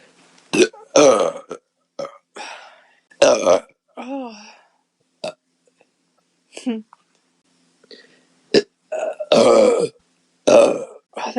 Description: here's a recorded session of my girlfriend burping for me with a can of beer.